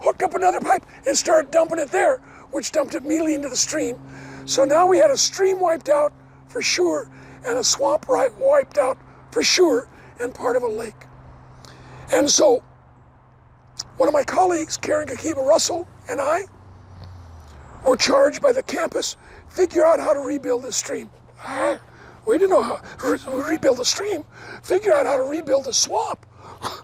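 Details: Adult man, never a smoker, with two bouts of vocal cord cancer (suspected secondhand smoke); one third of vocal cords removed in 2008, leaving raspy voice: dysphonia after partial vocal cord resection.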